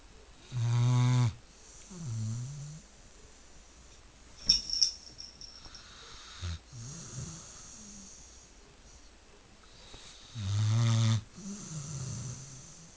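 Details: Sleeping pit bull snoring: loud, buzzy snores, each followed by a softer whistling exhale, with brief room sounds between them. Ordinary snoring.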